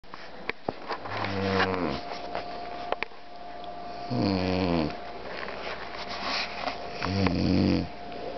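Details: Snoring in a sleeping man: three loud, rattling snores on the in-breath about every three seconds, with quiet pauses between, in a small room.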